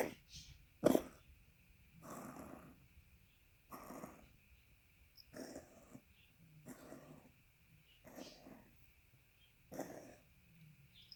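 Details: A congested dog gives a run of about seven rough, wet-sounding coughs.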